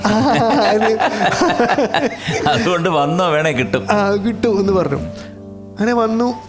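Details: Adult speaker with music in the background; ordinary speech.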